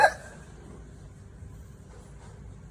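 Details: Baby who laughs at his own hiccup: a single short, sharp hiccup at the start, then quiet room noise.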